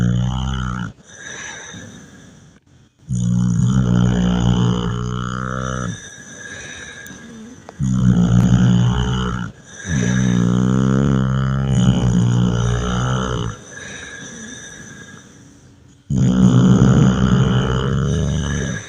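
Loud, rough, rattling snores on the in-breath, about four over the stretch, with quieter breathing between them.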